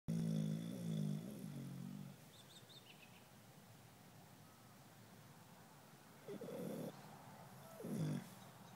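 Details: A sleeping dog snoring during a nap: a few irregular, rumbling, slightly tonal snoring breaths separated by quiet pauses.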